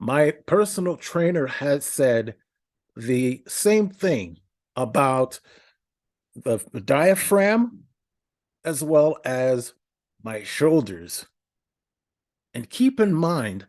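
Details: Adult male podcast host with a speech impediment for about a decade, in therapy for stuttering; stuttering with many filler words, odd verbal interruptions and repetitions.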